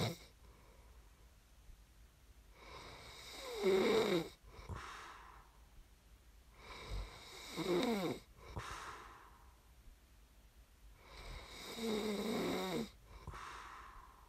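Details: Snoring recording made as sleep ASMR: three rough, rattling inspiratory snores with quiet breathing out between, about 15 breaths a minute.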